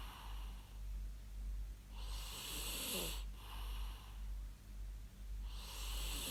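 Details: Real human snoring recorded for use as white noise: rhythmic snores with a slightly whistling edge on the breath, about every two to three seconds, over a steady low hum.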